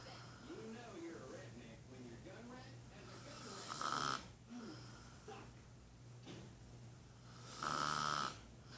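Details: Wife snoring in sleep: slow, irregular rattling breaths with two louder snorts, about 15 a minute, over steady room hum; snoring.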